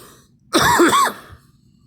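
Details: Single short, throaty clearing cough in a quiet room.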